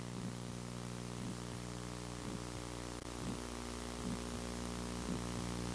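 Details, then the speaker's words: Innocent supraclavicular arterial bruit in a child: short, soft, pistol-shot sound heard best over the carotid pulsation in the neck, fading toward the aortic area; soft brief whooshes with each pulse, about 60/min, over electrical hum. "now another innocent murmur has been the supraclavicular arterial brewey this is a brewey a short Soft pistol shot murmur her best over the cored pulser pulsation right here in the neck and it sounds like this"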